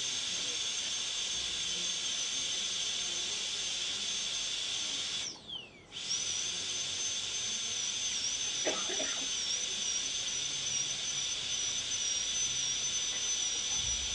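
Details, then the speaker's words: Dental air-rotor high-speed drill on a molar PFM crown preparation, moving in one direction and lifting off the tooth; steady high-pitched whine briefly stopping and restarting. "so you always go in One Direction lift come back go in the same direction lift come back okay you'll appreciate that from the sound that the aor makes see that I'm lifting"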